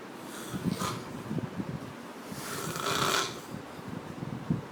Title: Biggest Snore ever